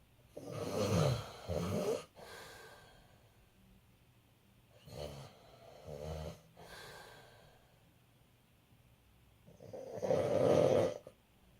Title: Dad Snoring